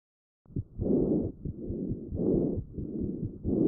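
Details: Normal vesicular breath sounds in a child, recorded with a StethoMe electronic stethoscope: soft rustling breath sounds with rapid, regular breathing.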